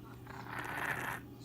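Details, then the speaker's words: Laboured breathing in a stray female cat after a coughing spell; she coughs weekly and sleeps a lot, owner unsure if nasal or CHF: a single noisy, effortful breath. "Looks like she can't breathe. I don't know if it's her nose or if it's like CHF or what."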